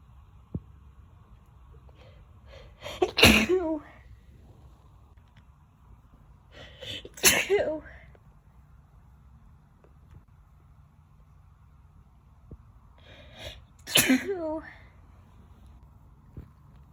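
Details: Sneezing fit: three forceful sneezes in a row, each after a quick catching inhale, over a low room hum.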